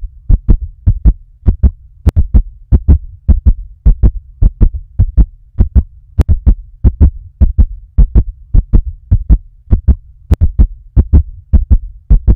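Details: Regular paired lub-dub heart thumps at about 105 beats a minute over a low hum; a fast heartbeat.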